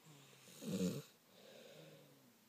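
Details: Child and his father snoring: a single low, rattling snore on one breath, followed by quieter breathing in a small room.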